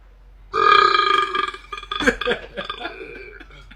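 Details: A long, loud, voiced belch from a male, followed by a few shorter burps breaking up into gurgles; repeated burping.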